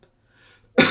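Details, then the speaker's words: Voluntary cough demonstrated by a vocal coach: a single short, deliberate cough after brief quiet, used to clear throat mucus as a gentler alternative to harsh throat clearing. "the mucus itself is not the thing but the way you get rid of the mucus can cause problems because you have two ways to clear your throat you can either clear your throat with something like this or you can for example"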